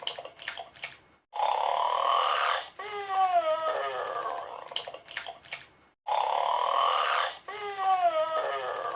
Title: Beethoven Sleeping & Snoring in 37 seconds